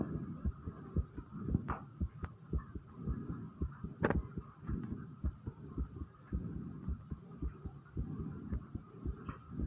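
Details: Rapid, steady low thumps at about 110 beats a minute over a faint background hum: the recorder's own fast heartbeat.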